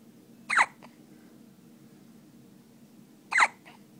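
Two abrupt, sharp hiccups about three seconds apart, each with a soft catch after it, over faint room noise.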